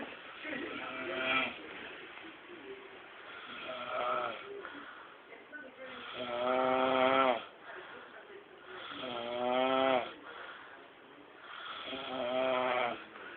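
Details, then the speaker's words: Two sleepers snoring as if arguing in their sleep: repeated loud, buzzing, rattly breaths roughly every three seconds, about 22 a minute; snoring. "this is pretty funny and uh this is sleep talkers or sleep snorers whichever you want"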